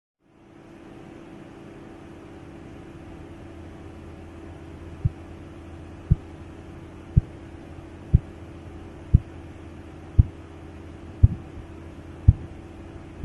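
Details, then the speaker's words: Korotkoff sounds during blood pressure measurement as cuff pressure falls: silence, then regular, clear sharp taps near 57 a minute. The first clear tapping sound marks systolic pressure, later turning to a less distinct whooshing. "الكلير تابين الصوت بيبقى كلير في البدايه وطبيعي اول ما اسمع الصوت ده اول صوت اسمعه هو السيستك بلاد بريشر بعد كده الصوت هيبقى عامل زي وش كده مش هيبقى واضح"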